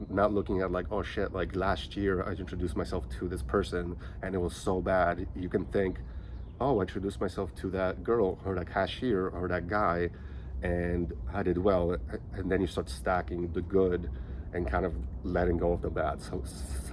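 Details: Stuttering in a 37-year-old man who has stuttered since age five and was basically non-verbal as a child; he says he sounds choppier here because he is nervous recording on his phone.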